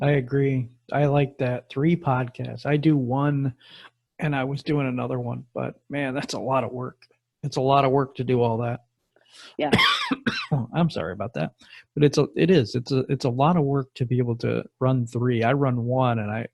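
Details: Adult male speaker; typical speech.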